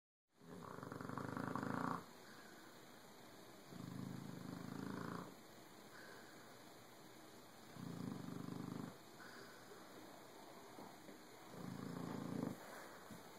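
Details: Soft, rhythmic rumbling snores in long drawn breaths, about four cycles over thirteen seconds, against steady room hiss.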